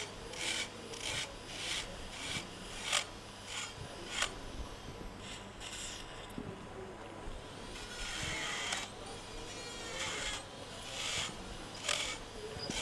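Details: Temporal bone dissection near the mastoid tip: repeated rasping, grinding bursts with a faint steady hum as a surgical drill works through bone, sound changing, approaching the dural plate.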